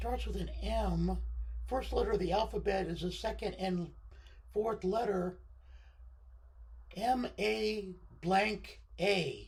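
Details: Adult man with left-sided unilateral vocal cord paralysis following surgery, limiting voice control; pitch varies from very high to baritone and is sometimes scratchy.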